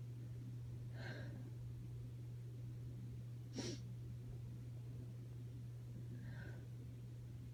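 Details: Woman with allergies, unable to sleep at night, stifling sneezes to avoid waking someone: three faint, muffled sneezes held back through the nose, a few seconds apart, over a steady low hum.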